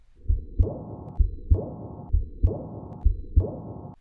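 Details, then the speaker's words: Decrescendo heart murmur, one that grows softer over time: regular heartbeat near 65 per minute with a rushing murmur after each second sound that fades away. "A crescendo murmur grows louder. A decrescendo murmur grows softer."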